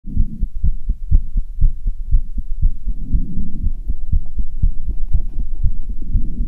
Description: After running on the stairs for half an hour I felt very tired and heavy breathing and my heart almost out of my chest